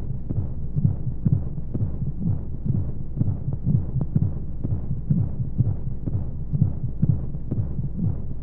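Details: Womb-sound sleep aid for babies: steady muffled low heartbeat thumps, about 125 a minute, over a constant whooshing white-noise hum of flowing sounds, as heard from within the womb.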